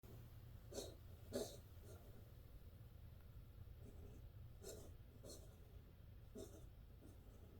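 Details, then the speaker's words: Feral cat coughing, already coughing for about 20 seconds before recording: about seven soft, short, breathy bursts spaced irregularly over a quiet background with low hum. "She was coughing like that for a good 20 seconds before I started the video."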